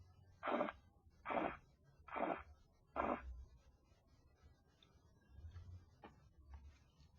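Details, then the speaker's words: Four rhythmic swishing beats at about 72 per minute, then fading, heard during blood pressure cuff deflation; Korotkoff sounds, phase 2. "Al comienzo de la fase dos, este está acompañado de sonidos"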